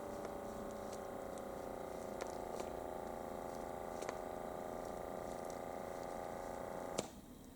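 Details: HYLOGY automatic upper-arm blood pressure monitor with the cuff high on the bicep, during a self-measurement that came out slightly elevated: steady motor hum of the cuff pump inflating for about seven seconds, then an abrupt stop with a click as deflation begins.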